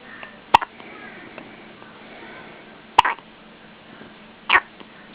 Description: My baby with hiccups